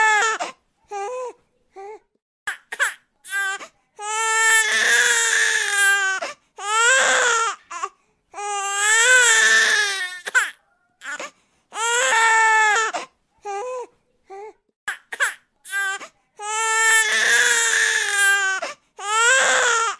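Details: Loud, sustained baby crying in long wails broken by short gasping inhales and sobs; an ordinary vigorous infant cry.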